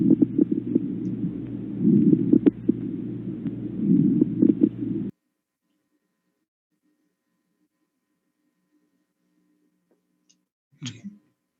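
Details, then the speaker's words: Crackles (crepitant rales) heard on chest auscultation as bubbling, like blowing through a straw into a glass of water, from fluid such as water, mucus, pus or blood in the airways. "este sonido se va a auscultar como un burbujeo como ejemplo es si nosotros ponemos un vaso lleno de agua e introducimos un popote"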